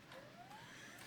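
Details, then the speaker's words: Perfusor syringe pump used for propofol infusion: a brief motor whine rising in pitch as the drive travels all the way down to grip a newly loaded syringe, then resumes the same therapy; syringe pump drive motor. "It's going to come all the way down. Once it's grabbed the syringe based on where it is, it'll go right back to the same therapy that you were delivering."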